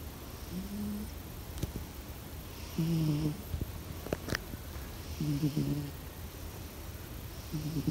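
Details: A sleeping pet cat snoring: soft, low rumbling snores about every four seconds over faint room noise; harmless sleep snoring, owner says unedited.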